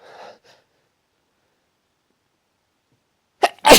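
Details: Strong sneezing fit the person can't stop: a brief exhaled breath, silence, then a sharp, loud sneeze burst.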